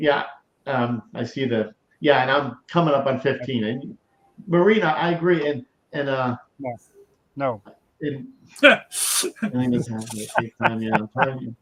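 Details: Aphasia in a male stroke survivor; he reports it has greatly improved over the years since he began hosting his show, though he still mumbles and forgets things.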